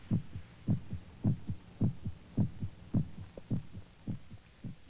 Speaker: The sound of our heart pounding against our ribs.